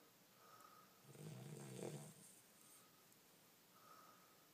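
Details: Eleven-week-old Cane Corso puppy snoring: one low, rattling snore on a breath, with faint quieter breaths before and after.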